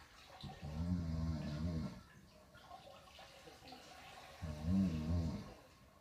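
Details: Human snoring during sleep: two deep, rumbling snores on slow breaths, with faint room noise between them.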